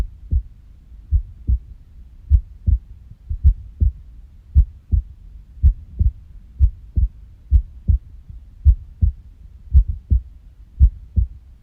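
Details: Paired low heart thumps at about 55 beats a minute with uneven gaps between some beats, an unusual heart sound tagged as irregular heartbeat (arrhythmia).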